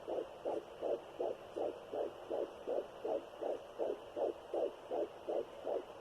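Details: Fetal heartbeat at 12 weeks of pregnancy on a Sonoline B fetal Doppler with a 3 MHz probe, in a third pregnancy after two miscarriages.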